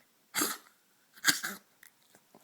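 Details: Soba, 13+-year-old Maltese with degenerative valve disease (heart murmur, enlarged heart, leaky valve): two harsh, dry honking cough bursts, then faint breaths; tracheal cough, per cardiologist not heart-related, unlike congestive heart failure coughing.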